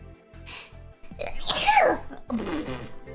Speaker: i need to sneeze this is bad where did i put my face that was an interesting one sorry about that